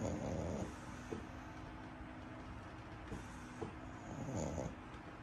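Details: Pug dog sleeping while holding a pug doll: two rough, rumbling snorts about four seconds apart over a quiet steady hum. Snoring.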